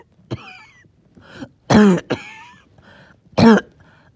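Three loud, wet cough bursts with rattly, whistling breaths in between: a phlegmy, wheezy productive cough.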